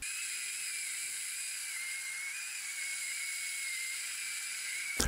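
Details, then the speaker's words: Second of three Easy Xtract system drills, drilling straight into the root canal of a tooth with a horizontal root fracture before extraction, bone graft and implant: steady high-pitched whine with hiss throughout; dental drill. "there's three drills with the system this is second drill"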